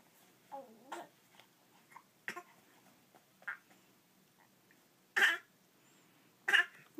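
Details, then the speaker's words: A 19-week-old infant makes short, deliberate cough-like bursts between soft vocal sounds: a voluntary, fake cough, not illness. "fake coughing, you faker."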